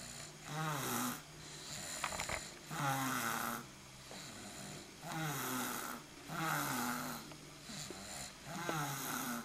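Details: Adult snoring: rhythmic rattling snores on each breath, roughly 17 a minute, with quieter exhalations between them.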